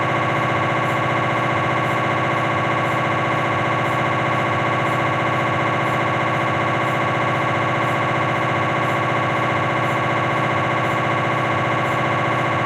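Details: Loud, steady rapid buzzing gradient noise with a regular beat, about 220 pulses a minute, from a Philips 1.5T MRI scanner imaging the cervical spine, likely during a T1-weighted sequence; MRI scanner noise.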